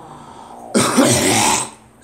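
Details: A single harsh, explosive burst lasting about a second in a quiet room, described as more of a cough and a sneeze, somewhere between a cough and a throat clear: cough.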